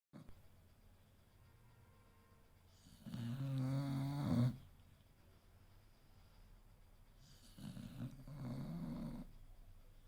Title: Believe it or no but it's Hector the American Bully, snoring 😴😴 like a hooman! 😂😂🤩